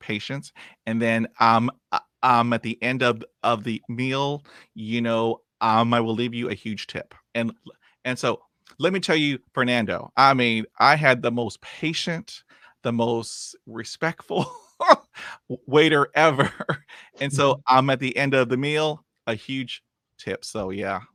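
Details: 51-year-old man with lifelong stuttering, much improved after 20 years of speech therapy but still blocking and repeating, with frequent 'um' fillers and repeated words; stuttering.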